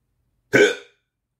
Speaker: Ah, ça passe pas, c'est le 4e que j'ai aujourd'hui.